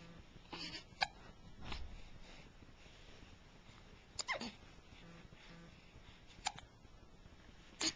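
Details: Several brief, sharp hiccup sounds at irregular intervals over a quiet, noisy background; a person with hiccups.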